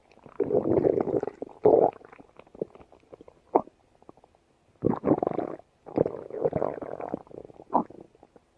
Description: Welcome to my channel of female yellowbellies stomach growling .